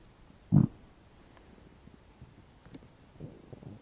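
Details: Hungry stomach growling after about 12 hours without eating: one short low gurgling rumble followed by faint bubbling; normal bowel sounds (borborygmi).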